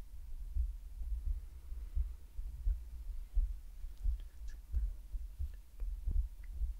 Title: ASMR Lets you Listen to Her Heartbeat 🫀 /relaxing roleplay/breathing sound